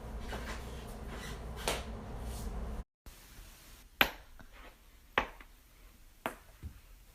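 Sharp, loud pops from adult joints being cracked, with quiet room noise between them.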